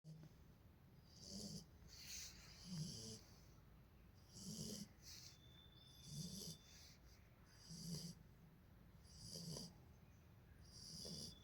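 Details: Sleeping Beagle puppy snoring in regular, soft, rumbling breaths with a hissy edge, about 38 a minute, over quiet room noise; snoring.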